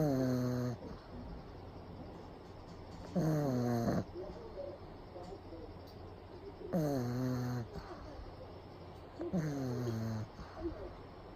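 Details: Loud, rattling snores about every three seconds with quiet breathing between, from a pug napping with eyes rolled back showing the whites; brachycephalic dog snoring.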